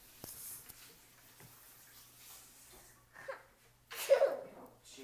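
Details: Two-year-old child fake sneezing: a pretend, quick breathy burst after a short intake, with quiet room sounds and soft talk around it.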